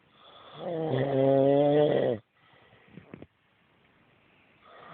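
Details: Adult husband snoring loudly in his sleep, as he does every night: one loud, buzzing, rattling snore on an in-breath, then a quiet pause with soft breath noise.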